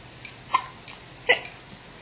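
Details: Hiccups in an upset baby: two brief, soft hiccup catches less than a second apart in a quiet room.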